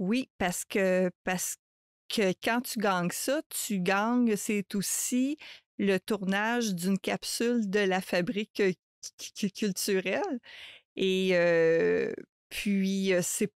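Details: Adult woman who stutters, a mother of two, speaking French in a real podcast interview, with word and phrase repetitions; stuttering.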